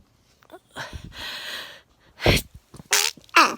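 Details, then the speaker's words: Man sneezing: sharp indrawn breath then a quick run of about three explosive sneezes in a few seconds. Repeated sneezing. "hey the last few days i've had a lot of sneezing and the videos you're getting on youtube now are from maybe a week ago a few days yes ago"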